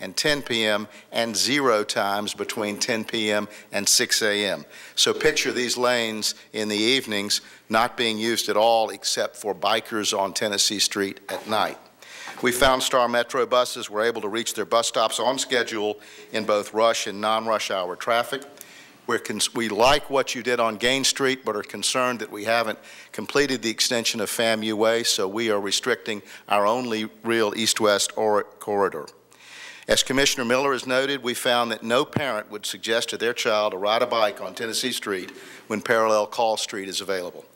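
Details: Adult woman who reports having a vocal tremor, speaking at a public hearing; vocal tremor.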